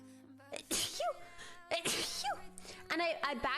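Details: Two sharp sneezes, each with a quick in-breath before it, with faint music and room noise behind, from a girl in a sneezing compilation: sneezing.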